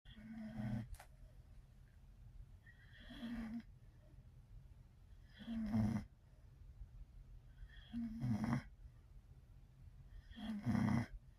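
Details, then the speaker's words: A sleeping female tri-color Pocket Bully dog snoring, with regular snorting snores about 26 a minute and quiet breathing between them; snoring. "what's my big old girl doing you here snoring you snoring where you big baby snoring oh who's my baby"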